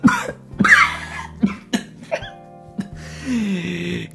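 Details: A run of about five short, harsh coughs from an adult with a cold, nasal, hoarse voice, over quiet background music.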